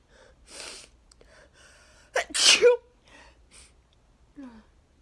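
A quick indrawn breath, then one loud explosive sneeze with a short voiced tail and some sniffing, part of an allergic sneezing fit.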